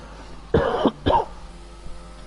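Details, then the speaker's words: Two short, harsh coughs from an adult commentator who is ill with a winter cold, tickly sore throat, over faint background hum. "i do apologize for that as you can hear i'm coughing as well but one half dead commentator is better than none at all so we just got to go with it"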